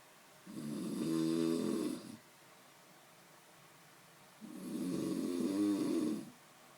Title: Snoring too loud!